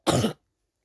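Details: Person who says they are sick and cough a lot: single short, loud cough with a slightly throaty quality, then silence.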